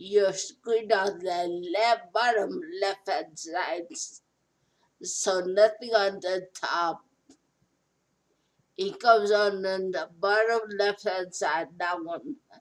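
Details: Adult speaker; post-stroke speech impairment.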